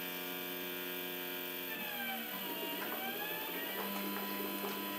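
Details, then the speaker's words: Homemade prototype mechanical ventilator built for Covid-19 from a glass beaker, stepper motor, timing belt and motion controller. It gives a steady stepper-motor whine whose pitch shifts as the speed changes; speed and stroke are adjustable, with light room noise. "this type of stepper motors and stepper motor drivers are quite plentiful the world but I have the so I wrote my own processor here so it's variable speed"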